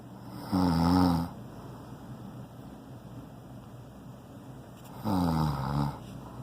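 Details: Man snoring very loudly, who on waking asks whether he is being loud again: two loud, low, fluttering snores about four and a half seconds apart, with steady room hum between them.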